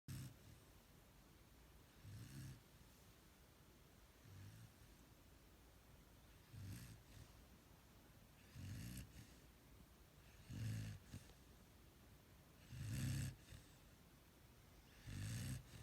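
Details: Low rumbling snores recurring every few seconds, about seven in fifteen seconds, with soft breath noise between; ordinary snoring during sleep.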